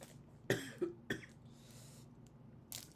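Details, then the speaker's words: Three or four short, harsh coughs from a sick adult in a quiet small room. "Alright, I have to split because you can hear me dying and coughing and shit."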